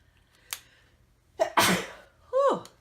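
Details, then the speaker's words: Adult's quiet, dainty sneeze, preceded by saying they are about to sneeze. "sorry guys. I'm such a dainty sneezer, so if you didn't hear that, that's what happened is I sneezed."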